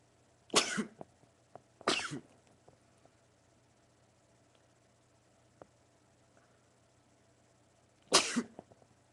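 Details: Male sneezing repeatedly, part of a 20-sneeze series: three sudden explosive bursts of air, two close together and one several seconds later, in a quiet room.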